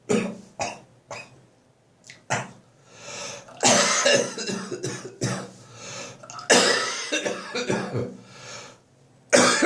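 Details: Adult with bronchitis after a cold cough moved to the chest, now gradually improving, ribs, belly and back painful: repeated wet, rattly coughs in bursts with throat clearing between; chesty productive cough.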